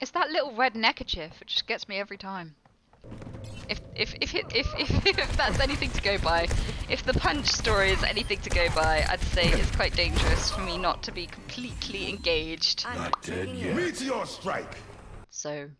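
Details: Woman with Tourette syndrome whose vocal tics include blurted words or phrases, with interjections such as "kitten" mid-sentence; Tourette syndrome vocal tics.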